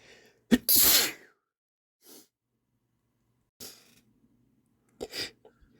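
A forceful sneeze with a sharp inbreath, followed by sniffles and a nose blow; ordinary sneezing.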